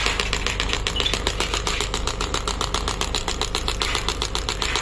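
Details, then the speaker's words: Pneumatic shockwave therapy device, with presets including ED, elbow, knee, shoulder and hip, firing after start: rapid regular clacking pulses, about 90 a minute, over the rumble of its internal pneumatic compressor. "It's a very good machine. Machine is having a compression, pneumatic compression inside, so that is putting the pressure."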